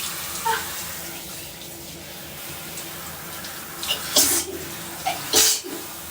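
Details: Sneezing in the shower after getting soap in the nose, with hot steam: two sharp sneeze bursts over steady running water in a small echoing room.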